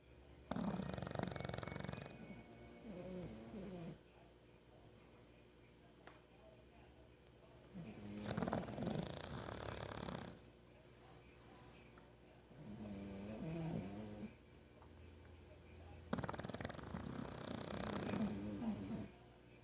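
Rhythmic rumbling snores, one every five to six seconds, with quiet pauses between breaths. Snoring.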